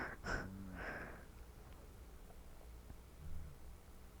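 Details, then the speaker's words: Sleeping adult spouse heard in a quiet room: faint, low rumbling snores, two breaths about three seconds apart. "sorry if you can hear my spouse snoring"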